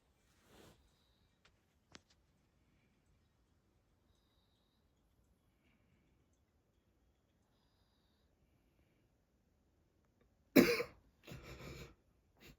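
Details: Adult coughing near a baby: the caption asks dad to hold back his coughs. Near silence, then a couple of short, slightly distant adult coughs at the end.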